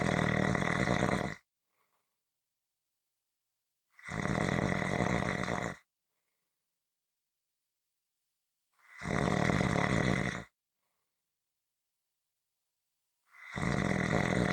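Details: Loud, harsh, rattling snores on each in-breath, about every 4.5 seconds with silent pauses between; ordinary heavy snoring.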